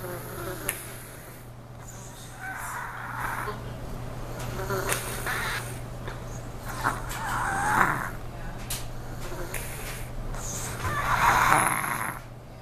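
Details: Soft rattling snores every few seconds, about 22 breaths a minute, from a sleeping 3-year-old girl over steady room hum; snoring.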